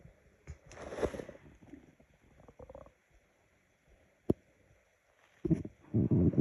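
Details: Person hungry and bored: low gurgling rumbles and squelches from the belly, with a louder rolling growl near the end; ordinary hunger stomach growling (borborygmi).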